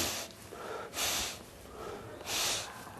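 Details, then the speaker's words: Deliberate heavy nasal breathing by an adult seminar presenter demonstrating how over-breathing produces snoring noise: two loud, rushing nasal breaths imitating snoring. "snoring is caused by this too heavy rate of breathing breathing heavily causes the noise of snoring"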